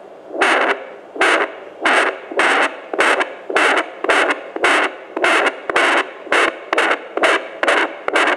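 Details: Fetal heartbeat on a Bestman BF500D+ handheld fetal Doppler, a device for use from 12 weeks of pregnancy: rhythmic whooshing pulses, roughly 110–120 per minute.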